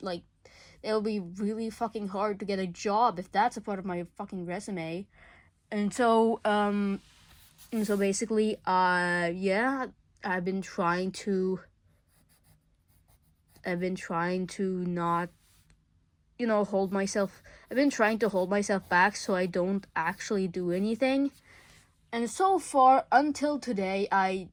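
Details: Male speaker under legal guardianship who self-reports stuttering a lot: real stuttering.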